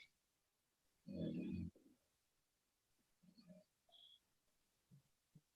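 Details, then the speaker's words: Person with obstructive sleep apnea, tongue blocking the windpipe, about 45 seconds without breathing despite chest and abdominal effort: loud, rough snorting gasp, then quieter irregular recovery breaths. "so they're trying to breathe but they can't breathe because their tongue is closed off their windpipe"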